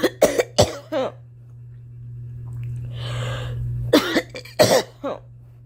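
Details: Young woman's acted coughing: two runs of short, dry coughs separated by a breathy pause.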